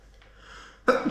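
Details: Allergy sneeze held back: a faint drawn-in breath, then an abrupt muffled burst; stifled sneeze.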